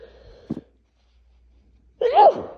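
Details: Adult with a first seasonal cold, asthma with chest tightness, sinus pressure and fever: a short catch of breath, a pause, then one loud, voiced sneeze burst.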